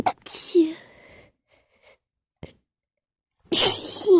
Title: acho sneezes #sneeze #cute